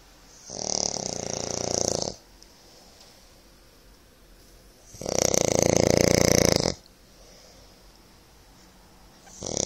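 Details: Father snoring during sleep, heard from his bedroom: loud, rough snoring on each inhalation, two long snores about four seconds apart with quiet pauses.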